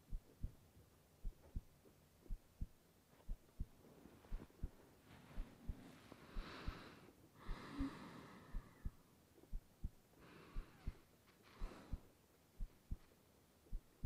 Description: Here and there I'll bother you, but fall asleep to the sound of my heartbeat and the sound of rain.